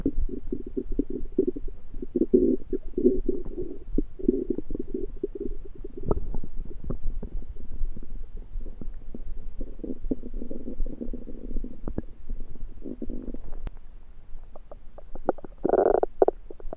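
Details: Loud, continuous gurgling and rumbling bowel sounds (borborygmi) with bubbly pops from the belly, starting suddenly some time after eating home-cooked food the person thinks was undercooked, in late February 2023.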